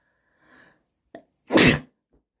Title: Snotty sneeze girl